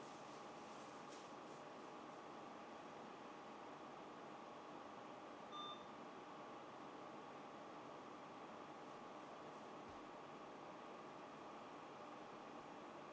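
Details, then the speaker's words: Steady fan hum with a single short electronic beep as an ICU mechanical ventilator is switched on with its rear power button and starts up during a training demonstration. "راح نبدي نشغل الجهاز. اكو باور لي ورا دوسه يبدي يشتغل."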